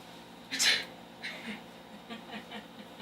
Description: One person in a towel starts dressing while another person sneezes, then laughs, from the doorway.